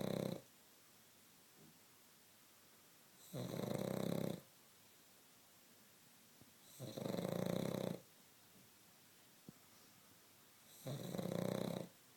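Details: Sleeping pug snoring: regular raspy breaths, four in about 12 seconds (roughly 18 a minute), with quiet pauses between; snoring.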